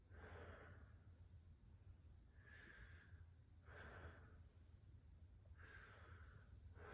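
Several slow, deep breaths in and out over low room hum, with no wheeze or added noises: clear, normal breathing during a lung exam.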